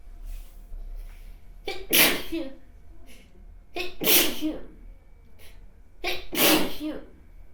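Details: Sneezing sample recording of a sneeze.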